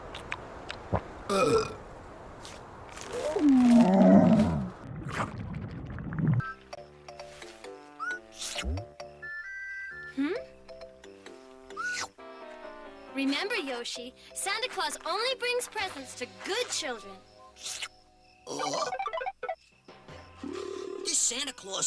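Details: A long, deep, drawn-out burp followed by cartoon voices and music; a burp sound taken from animated or game clips in a compilation of characters burping.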